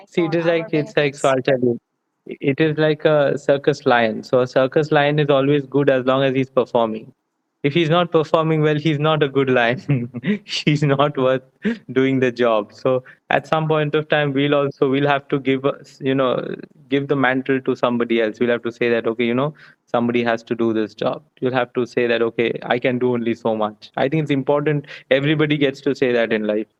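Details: Adult man speaking; fluent conversational speech.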